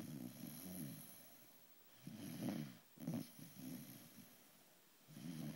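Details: Sleeping beagle that snores very often: soft, low, fluttering snores with snorty breaths, about three over several seconds; snoring.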